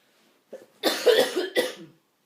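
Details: Two harsh, noisy coughs in quick succession from an adult woman with repeated coughing fits, the first long and rasping, the second brief.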